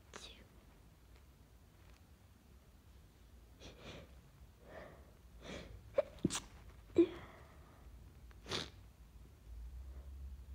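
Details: Person with a bad cold, sneezing fit: a run of muffled, stifled and covered sneezes, some half held back, with short breaths between, in a quiet room.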